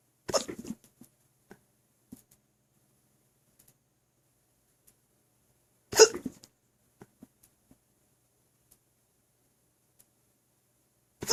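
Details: Hiccups after overeating pizza and hot wings, recorded with a phone resting on the belly after drinking milk and water: sharp, abrupt jolts every several seconds with faint sloshing gurgles between.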